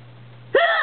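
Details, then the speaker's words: Person with persistent hiccups, continuing even when holding breath: a single sharp voiced hiccup after a quiet lead-in; ordinary hiccups. "even when I try to hold my breath they still come [Music] up see so that never works"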